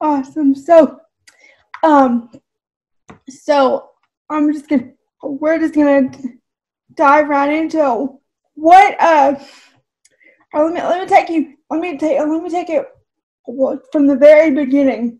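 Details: Woman with cerebral palsy whose voice and speech are affected; dysarthria (cerebral palsy).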